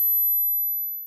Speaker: il est de 12000 Hz. Il est possible que vous ne l'entendiez pas et si c'est le cas, vous commencez peut-être à souffrir d'une perte auditive.